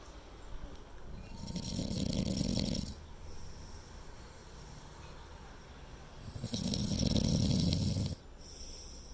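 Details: Person sleeping on a latex anti-snore pillow that reduced but did not stop snoring through the night: two long, loud, rough snores about five seconds apart, quiet breathing between; snoring.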